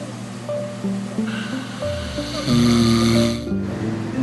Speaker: This is why I can't sleep with them at night. It's so loud. It sounds like a dying bull elephant.